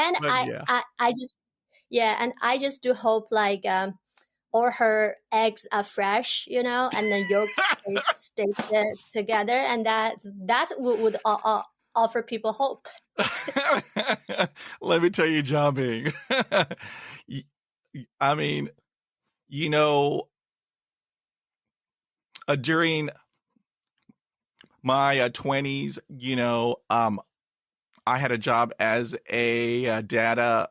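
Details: Adult woman who has stuttered since about age 7 or 8; she stutters in her Chinese dialect, Mandarin and English, and the stutter went unsupported in childhood; real developmental stuttering.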